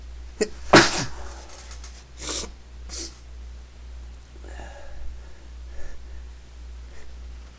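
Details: Person trying, not succeeding, to sneeze quietly: one loud, sharp sneeze, then softer breathy sounds and sighs in a room with a steady low hum; sneeze.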